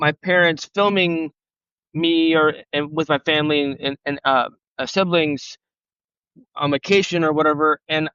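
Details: Real stuttering in an adult man who has stuttered since age 5 and had speech therapy on and off from grade school to college, heard in a podcast interview.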